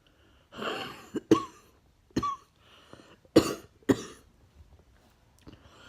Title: Ugh coughing